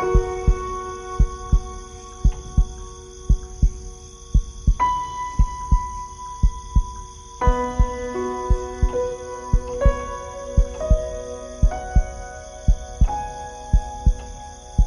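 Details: Slow, regular heartbeat, steady low thumps at about 57 a minute, under soft piano sleep music.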